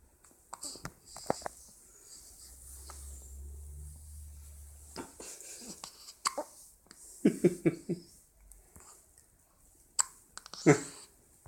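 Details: Newborn with repeated short, abrupt catches in quick clusters over quiet room noise; hiccups.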